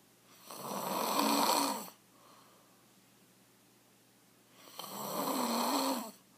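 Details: Husband's heavy snoring: two long loud rasping inspiratory snores separated by a quiet pause of a few seconds.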